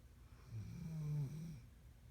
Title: Scout, snoring